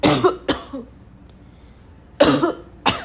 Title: my yesterday cough